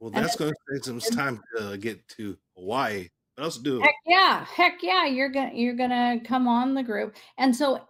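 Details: Real adult male stroke survivor speaking about 3 years and 5 months after his stroke; post-stroke aphasia.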